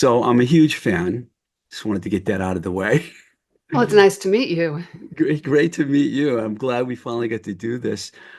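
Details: Adults in conversation; normal conversational speech.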